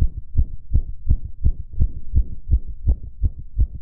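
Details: Adult male fast heartbeat recorded shortly after a previous recording: rapid, regular low thumps at about 165 beats a minute.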